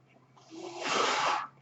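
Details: The speaker's own mechanical ventilator is audible behind his speech as he introduces a recorded podcast; mechanical ventilator breath cycle.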